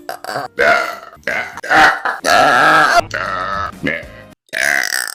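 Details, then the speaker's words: Woman who says she feels a burp coming: a run of loud, drawn-out voiced belches, several in a row with short pauses, then remarks that it felt so good; burping. "I feel like I have a burp."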